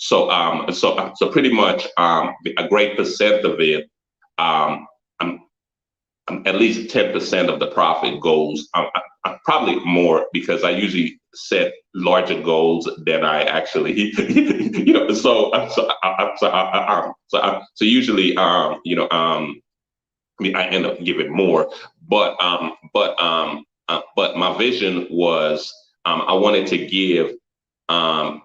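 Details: Stuttering in an adult man, a photographer and former engineer; repetitions of words and frequent fillers.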